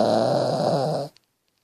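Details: Dog named Teddy snoring: one deep, rumbling snoring breath lasting about a second, then silence; dog snoring.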